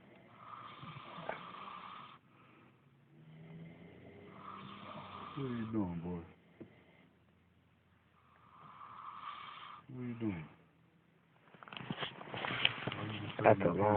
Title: snoring beauty